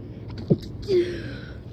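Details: Late-night sleepy sneeze, recorded after recovery from Covid: a quick inward catch of breath, then a short voiced sneeze in a quiet room.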